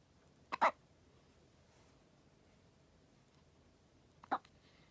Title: 生後14日目(2) 新生児 しゃっくり、14 days old (2) hiccup